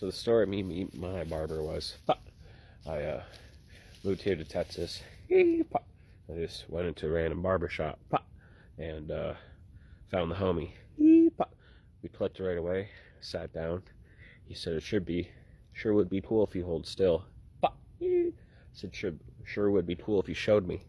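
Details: Adult man with Tourette syndrome whose speech is interrupted by vocal tics; vocal tics of Tourette syndrome.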